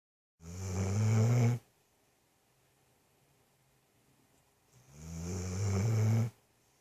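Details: Merlin, a dog, snoring: two long, loud, rattling low-pitched breaths about five seconds apart with quiet between; owner jokes he could use a CPAP.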